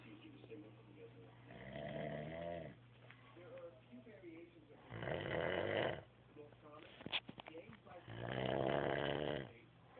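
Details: Three long, rough, vibrating snores about four seconds apart, roughly 15 a minute, with quiet breathing between. Snoring.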